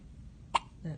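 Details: One-day-old newborn girl's first hiccups: a single soft, sharp hiccup with quiet room noise.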